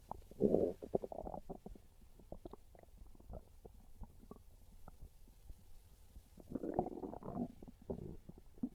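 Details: Irregular low gurgling rumbles and squelches in bursts over several seconds: real hunger-related stomach growling (borborygmi) from a person craving pizza, a normal gut sound.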